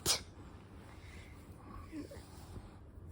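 One sharp, hissing burst at the start, followed by quiet breathing and room noise: a single sneeze.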